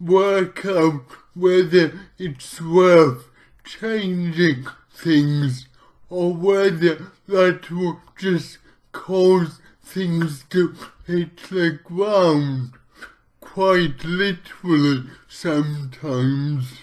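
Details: Adult man with lifelong athetoid-type cerebral palsy, which he says affects pretty much his entire body; finding: dysarthria (athetoid cerebral palsy).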